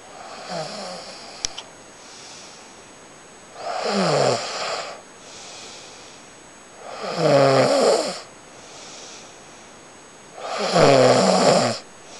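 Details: Snoring: loud, rattling inhaled snores with quieter exhalations between them, about 17 breaths a minute.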